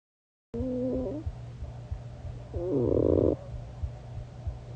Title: Snoring and mumbling, another recording of what I did last night 😥😂